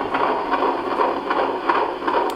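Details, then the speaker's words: Fetal heart heard during a prenatal consultation with a Doppler over the baby's back, head-down (cephalic) fetus, soft uterus: rapid, regular whooshing beats about 150 a minute, galloping-horse pace; normal. "Voilà le cœur du bébé. Donc ça va vite comme un galop de cheval, comme d'habitude."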